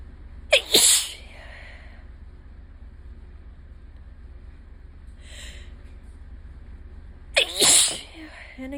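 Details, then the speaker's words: Allergic sneezing the day after a bad allergy day, with the person still affected: two loud, explosive sneezes several seconds apart with a faint sniff between. "And I have to sneeze. Oh, fuck. I'm gonna sneeze again."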